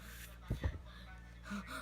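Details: Two or three quick, sharp inward gasps close together, like the catch of breath before a sneeze, over a low room hum; gasping.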